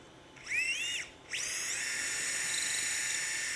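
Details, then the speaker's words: High-pitched whine of a surgical power drill spinning up twice then running steadily, drilling and tapping during an open Achilles tendon repair using percutaneous techniques with a Krackow stitch. "now we're just tapping it now we're going to drill the other side a little hemostat can help you get going"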